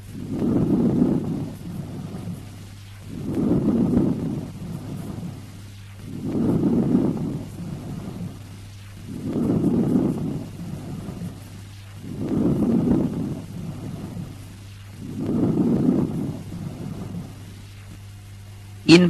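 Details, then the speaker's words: Stethoscope diaphragm over normal lung, patient sitting or standing: inspiration louder, higher pitched and 3–5 times longer than expiration, no pause between them, rustling breezy quality like wind through leaves; vesicular breath sounds. "There is no pause between inspiration and expiration. And it has an overall rustling or breezy quality, like the wind blowing through a tree producing rustle of the leaves."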